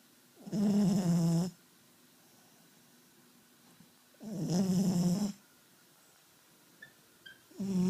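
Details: Snoring: soft, low, buzzing snores about a second long, spaced several seconds apart in a quiet room.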